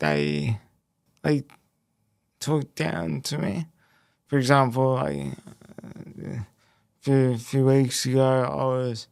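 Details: Male who had a haemorrhagic stroke at age 12 affecting the left brain and right body, followed by a five-week induced coma, with speech most affected and relearned and slower information processing; speech impairment after stroke.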